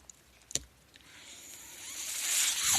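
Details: Speaker's own mechanical ventilator heard in the background of a spoken podcast recording: breath sounds of a mechanical ventilator.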